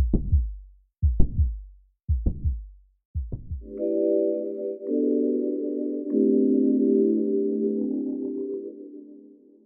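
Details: Mitral valve prolapse sounds in a 3D animation: four slow heartbeats, about 55 a minute, with a mid-systolic click and late systolic murmur, then synthesized music.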